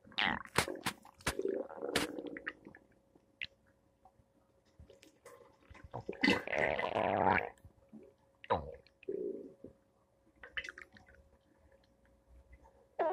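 Irregular gurgling and squelching rumbles from the abdomen, typical stomach noises of gas and fluid moving through the gut.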